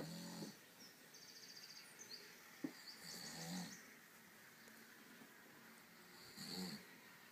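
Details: Baby who just started rolling over, sleeping in his crib: soft, irregular snorting snores and nasal breaths with faint squeaky sounds.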